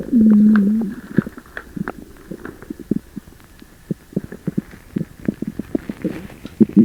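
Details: Loud borborygmi of an upset stomach after eating sugar-free gummies: a long loud groaning rumble followed by many bubbling, popping gurgles.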